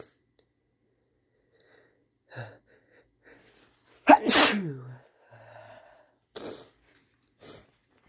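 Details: A quiet in-breath builds to one loud, explosive sneeze, followed by softer breaths; an ordinary sneeze from a man in a quiet room.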